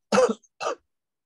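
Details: Simulated role-play of effective coughing by a patient after cataract surgery: two short, soft, controlled cough bursts after deep breaths held about three seconds, kept gentle to protect the operated eye; controlled cough technique.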